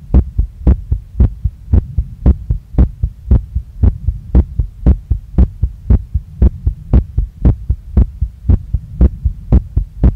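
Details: Female heartbeat recorded right after a workout, felt strongly in chest, neck, face and stomach with visible chest movement: fast, regular, pounding beat at about 115 a minute; rapid heartbeat after exercise.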